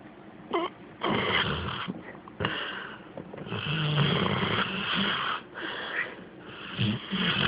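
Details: Sleeping female Rottweiler/Pit Bull mix with mouth slightly ajar, lifelong snorer with no medical condition, phone recording: loud, rough, fluttering snores with each breath and some nasal whistling in a quiet room; ordinary snoring.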